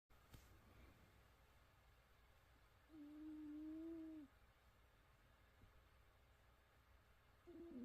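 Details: Snoring in a sleeping cat: two soft, whistling nasal snores in a quiet room; ordinary harmless snoring.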